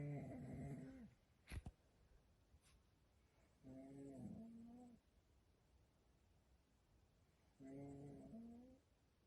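Three soft, humming, tonal snores from a sleeping dog, a few seconds apart, with a quiet room between them.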